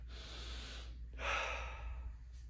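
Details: Two sharp, breathy in-drawn gasps in quick succession before a sneeze, after the person deliberately smelled black pepper to trigger sneezing; gasping.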